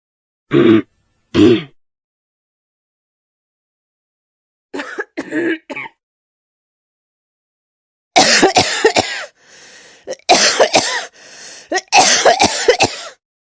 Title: Cough Sound